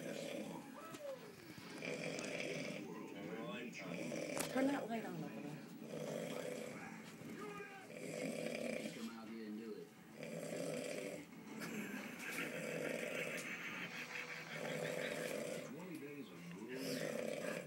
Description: My uncle snoring up a storm